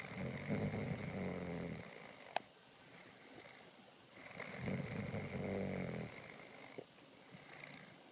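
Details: Snoring in sleep after a tiring day at work: two long rattling, fluttering snores separated by quieter breathing, with a sharp click and steady room hum.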